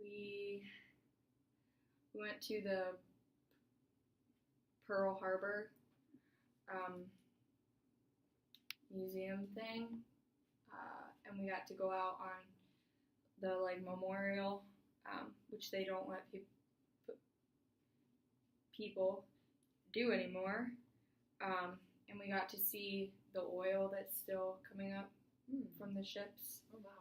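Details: Adult woman client in a stuttering therapy session, possibly role-played with a 22-year-old college student acting as clinician; stutters counted by clinician; stuttering.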